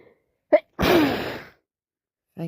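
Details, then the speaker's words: Adult with a common cold, red nose and barely able to breathe through the nose, sneezing constantly: a quick indrawn hitch, then one forceful sneeze burst lasting under a second. "I'm constantly hitching or sneezing. Hitching sneezing. Wow. I think I must be the only person in the world that sneezes as much as I do."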